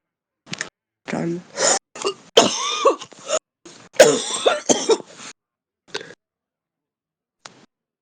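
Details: Real heavy smoker's cough: repeated harsh, rough, deep chesty coughs and throat clearing in clusters, with snorting and brief Russian speech.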